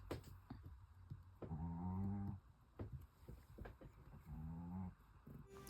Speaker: I don't know if you can hear the snoring behind me. That's our other dog. They're such a tiny little guy. He's a Chihuahua. He snores fairly loud.